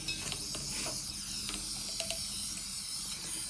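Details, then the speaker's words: Continuous hiss of an oxygen-driven nebulizer on a simple mask without a reservoir bag, aerosolizing albuterol for the patient to breathe in; an assembly demonstration for EMTs, paramedics and nurses. "as we assemble so the same so now what we can see is it's aerosolizing the patient's now able to breathe the thing"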